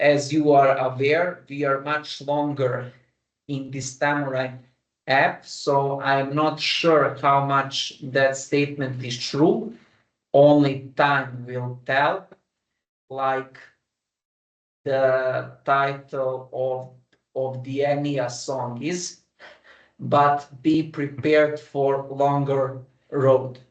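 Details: Adult man who stammers, speaking with the flexible rate speech technique, with voluntary pauses and a deep breath before continuing; stuttering with flexible rate speech technique.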